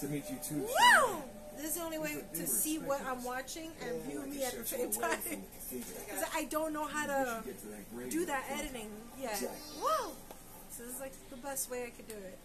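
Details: Tourette syndrome vocal tics in an adult woman, tics active and triggered by flashing lights and noise from video games; exclamations such as "whoa" and "wow" interrupt speech.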